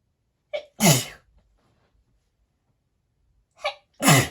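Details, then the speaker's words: Self-induced sneezing using powder: two sneezes, each a short inward catch followed by a loud explosive burst, a few seconds apart. "I'm going to make myself sneeze."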